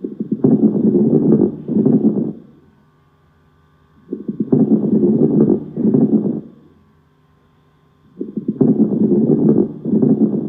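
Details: Lung crackles: breath sounds with coarse, crackling popping noises, about 15 breaths a minute.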